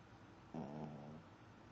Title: dog snoring while sleeping